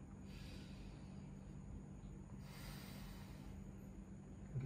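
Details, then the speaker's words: Adult man taking deep breaths on instruction during chest examination, heard through a stethoscope: soft, even breath sounds with no wheeze or crackles; normal breath sounds. "Baik, jadi setelah saya dengarkan untuk di suara paru-paru Bapak, suara nafas Bapak juga masih normal, tidak ada indikasi adanya kelainan dari pernafasan Bapak."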